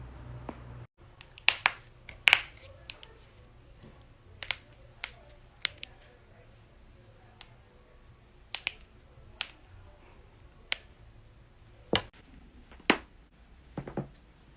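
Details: Loud joint cracking: a series of sharp, scattered pops and clicks of varying loudness over faint room noise, joint cavitation (cracking) during manual manipulation.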